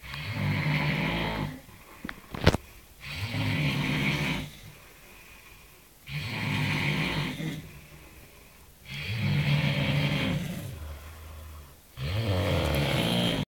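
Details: Adult man snoring: loud, rough snores on repeated breaths, about five cycles in under fourteen seconds, with quiet pauses between.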